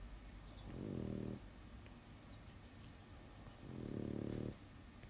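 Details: Small dog asleep in the background of a drawing session, snoring: two soft, low buzzing snores about three seconds apart over faint room noise.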